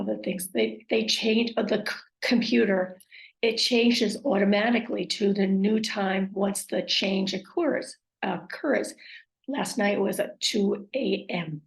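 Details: Woman with aphasia, apraxia of speech and dysarthria acquired after a stroke, with word-finding difficulty; aphasia with apraxia of speech and dysarthria.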